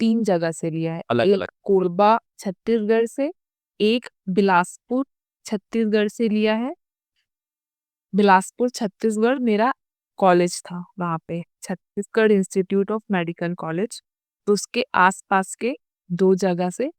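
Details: Adult female doctor who has stammered since childhood, worse under continuous stress, and has had speech therapy three times; stuttering.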